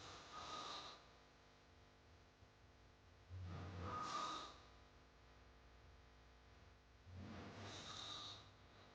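Three loud, rough, rattling snores about every four seconds with quieter breathing between, roughly 15 a minute; heavy snoring from a sound-effect recording.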